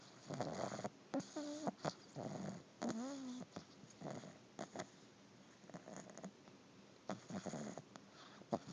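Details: Repeated rattling, buzzy snores with squeaky whistling tones in quick irregular bursts during sleep; snoring.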